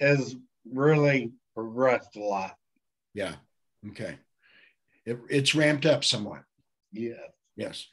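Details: Adult male speech, possibly two speakers in conversation; conversational speech.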